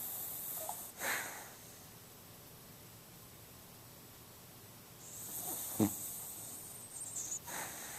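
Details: A sleeping dog snoring: a few brief, snorty breath noises separated by quiet stretches, over faint room hiss.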